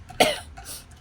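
A single sharp cough followed by a short exhaled breath in a quiet room.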